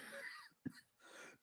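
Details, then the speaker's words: Adult podcast participant gives a single short, sharp cough burst between quieter breathy sounds in a small room: cough. "I know my cough. we're gonna have to give the whole viewers list freaking cough medicine after this."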